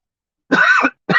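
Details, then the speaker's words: An adult with a hoarse throat and a hot head, feeling better after illness, gives a harsh voiced cough that pounds their head, with a second cough cut off at the end: cough. "That's what hurts when I really cough. It pounds my head."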